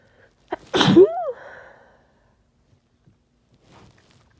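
A short intake, then one forceful, harsh sneeze with a voiced tail; sneezing with a common cold.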